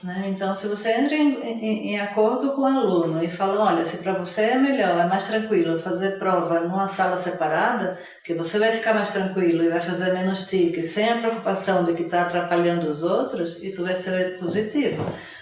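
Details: Adult speaker, Portuguese; plain speech.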